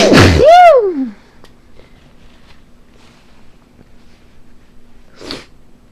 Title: Girly Yet Powerful Sneezes